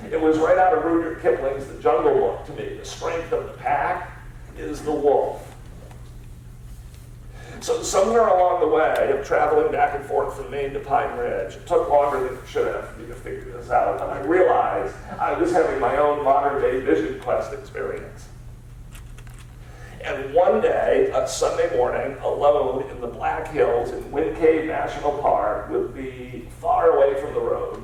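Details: Spasmodic dysphonia, a rare neurological disorder affecting only speech, in an adult man treated with periodic Botox injections.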